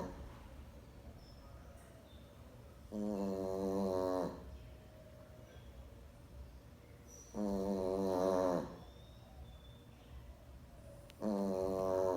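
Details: Sleeping pet Boston dog snoring: loud buzzing snores about 14 a minute, each over a second long, with quiet breathing between.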